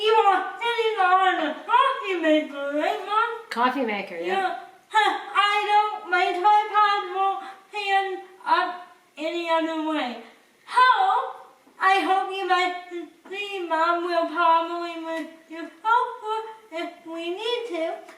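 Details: Dysarthria in a woman with cerebral palsy who cooks independently with limited help.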